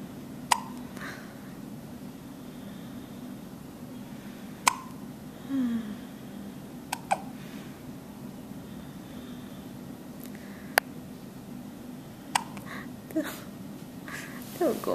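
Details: Baby with hiccups: brief, sharp hiccup sounds at irregular intervals, about six in fifteen seconds, over quiet room noise.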